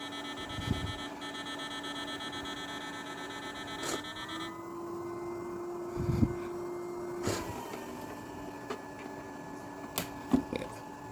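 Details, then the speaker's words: Steady electronic alarm tones over a constant machine hum, with handling clicks, as a low-cost open-source turbine-based portable ventilator starts ventilating a test lung, tidal volume set to 200. "and now ventilator will start ventilation and oh now here is you can see the various alarm"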